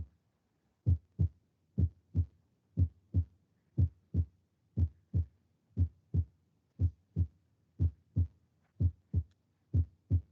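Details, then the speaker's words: Teaching recording of normal heart sounds: clean, regular lub-dub S1 and S2 pairs at about 60 beats a minute, with quiet gaps and no murmur. "Ya, acuérdense de ese ruido porque eso es lo normal, o sea, no hay soplos, no hay nada. Está normal, está limpio ese primer y segundo ruido."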